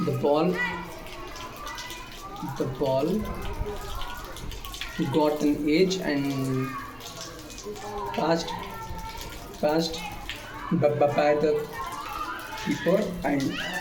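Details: Male speaker with self-reported stammering: stuttering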